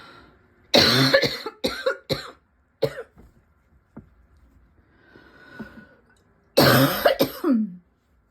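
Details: Cough that will not quit, with throat and lungs constantly tickly: repeated bouts of hacking coughs with throat clearing between them; persistent cough.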